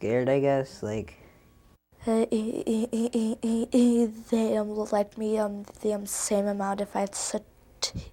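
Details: Child who stutters speaking, with hesitations and fillers; example of childhood stuttering; stuttering.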